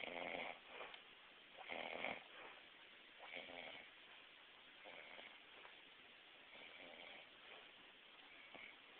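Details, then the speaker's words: Man snoring after being awake two days straight, snoring in doubles: faint snoring in paired bursts growing quieter over the recording, faint room background. "I wasn't really aware that someone can snore in doubles didn't know it could happen"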